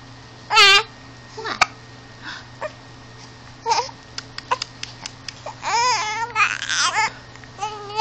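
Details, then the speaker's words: Baby fussing and babbling with small, sharp catches in the breath between vocal sounds, over steady room hum: infant hiccups. "Oh goodness, that was a hiccup."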